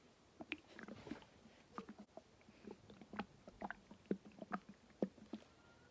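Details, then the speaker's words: Hyperactive bowel sounds (borborygmi) from the stomach of a woman diagnosed with H. pylori, recorded after endoscopy and antibiotics: frequent gurgling and popping, roughly one a second, with pain, nausea and acid reflux. "That is my stomach, and it's not supposed to make that noise. It hurts, and it makes me like nauseous and have acid reflux."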